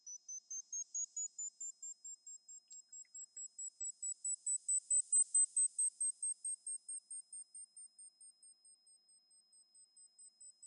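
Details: Mimi Hearing Test app on iPhone with AirPods Max, right ear, actual test after a practice round: rapid pulsed high-pitched beeps swelling and fading in loudness while slowly rising in pitch; pure-tone audiometry tones.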